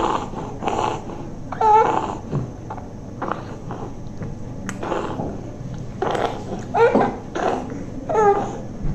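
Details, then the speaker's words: Infant with noisy breathing possibly since birth, suspected congenital cause masquerading as asthma not responding to treatment: repeated harsh, partly whistling noises with each breath, brief vocal sounds; consistent with stridor. "okay so this child has a noisy breathing and this is possibly since birth so we are possibly dealing with some congenital issue"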